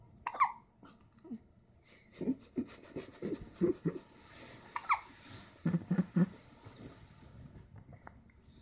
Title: Hiccup like a toy (1week)